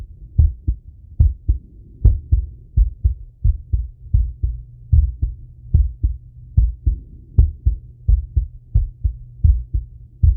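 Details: Male, own heart auscultated with a stethoscope after a workout set: strong, steady lub-dub heartbeat at about 74 per minute with a low steady hum behind it; heart sounds after exercise.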